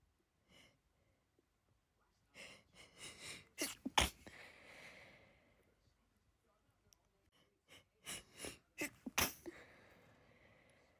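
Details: Repeated sneezing after being outside all day: two runs of sneezes, each preceded by quick catching in-breaths, then a forceful burst with a noisy exhale, in a quiet room.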